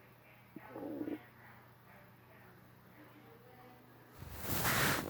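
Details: Soft gurgling, bubbling rumbles from an adult's belly after a breakfast of pancake, cereal, juice and milk, recorded through a shirt: ordinary bowel sounds, borborygmi.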